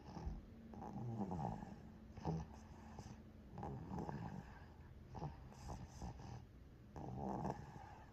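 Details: 90-day-old baby snoring in sleep, snoring said to be inherited from father: soft, low rattling snores repeating with each breath.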